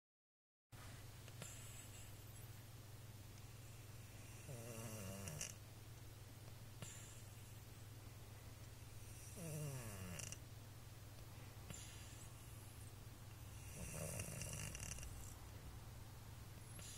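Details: Sleeping cat snoring: soft, rasping snores with each breath, about four in 17 seconds, over a steady low room hum.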